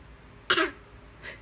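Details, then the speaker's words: Pretend cough on request from a 19-month-old toddler: a single short, breathy cough burst with a faint softer echo, a playful fake cough, not an illness sign. "can you do a fake yawn? Do a fake yawn. Do a fake yawn. Fake yawn. Fake cough."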